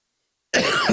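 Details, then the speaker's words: One short, harsh adult cough after a brief silence from a speaker with a chest cold lasting weeks, first thought allergy-related, with fever the previous night; he mentions audible wheezing. "everybody's got these incredible chest colds right now and I've had this one for weeks I thought it was just allergy related but I actually had a fever last night"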